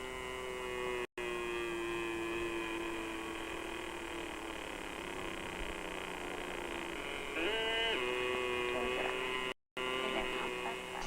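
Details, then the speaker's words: Steady electronic tone that holds, then briefly shifts pitch, over a background hum, from a biofeedback monitor whose finger electrodes on a woman with chronic pain track skin resistance to signal pain intensity, shown in an old film. "The electrodes taped to this woman's fingers pick up minute changes in skin resistance, which may vary with the level of pain. So the monitor's sound signal indicates the pain's intensity."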